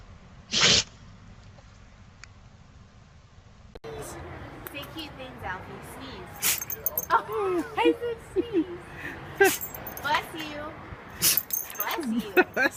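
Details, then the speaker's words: Dog sneezing repeatedly: short, sharp nasal bursts amid talking and room noise; owner wonders if it is anxiety sneezing. "Bless you. Anxiety sneezing?"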